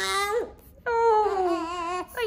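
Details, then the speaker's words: Newborn baby in the first week home, being breastfed, cries at feeding time as he wakes: rhythmic, moderately loud wails with brief pauses, an ordinary hunger cry. "Je dois aller le nourrir, c'est en gros comme ça que ma journée se passe à chaque instant pendant qu'il se réveillera et je me dis "bon temps de te nourrir""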